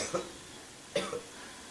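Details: Two short, dry cough bursts about a second apart in a small room; a person coughing a lot.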